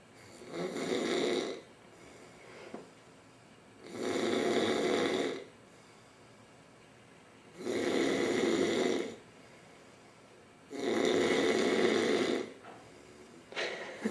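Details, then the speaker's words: Adult man, a visiting uncle, snoring loudly in his sleep overnight: loud, rough snores on each in-breath with quiet gaps between, roughly 18 breaths a minute; snoring. "He's gonna kill me. But he's so freaking loud. Who can sleep?"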